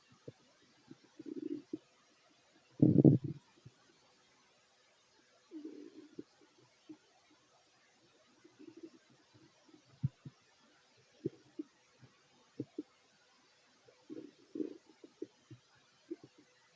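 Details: Fit male eating: soft, low gurgling rumbles and bubbly clicks from the belly coming and going in a quiet room; ordinary stomach growling (borborygmi) during eating.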